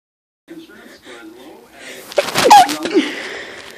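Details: A single sneeze after sniffing a flower: short breathy build-up, then one sharp explosive sneeze fading into an airy exhale.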